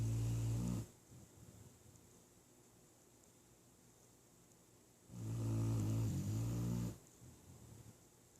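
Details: Two long, loud, deep rumbling snores separated by a quiet pause of several seconds, from a sleeping dog: snoring.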